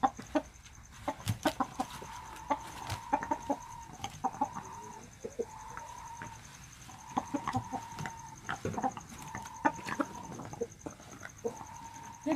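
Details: Bangkok rooster with about three weeks of cold-like illness and snoring (ngorok): repeated short whistling, rattling breath sounds between soft clucks, fitting noisy rattling breathing from coryza.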